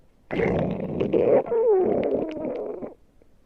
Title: Someone's Stomach Growls Somewhere - Part 1(Request)